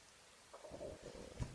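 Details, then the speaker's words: A woman's stomach gurgles audibly (borborygmi) while she talks during a card reading. "mon ventre qui gargouille. Je sais pas si vous entendez."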